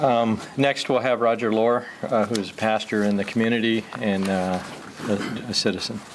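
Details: Adult male speaker; normal voice.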